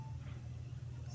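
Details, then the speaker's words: Wall suction regulator set to about 80–120 for oral and tracheal suctioning of a tracheostomy or ventilated patient. A steady low droning hum as the gauge needle rises, showing the suction is working. "you'll see the needle bump up that means that your suction is working"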